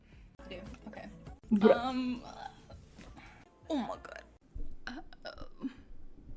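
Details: Burping, from a compilation: a loud, drawn-out voiced belch above quiet speech and soft background music, followed by a shorter second burp.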